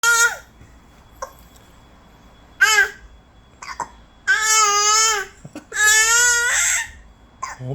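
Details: Infant: several loud, high-pitched cries and shouts with short vocal bursts between them in a quiet room; infant cry.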